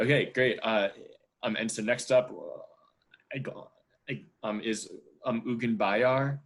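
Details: 27-year-old who self-identifies as a person who stutters, speaking at a stuttering association online open mic; real, unscripted speech showing stuttering.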